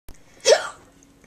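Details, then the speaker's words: Mother with sudden hiccups while feeding her young child: a single short, abrupt voiced hiccup over quiet room noise. "mommy's got hiccups haven't you i don't know why she's got hiccup so just come out of nowhere"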